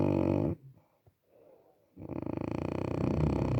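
Loud, fluttering snore, a short pause with a faint click, then another long vibrating snore.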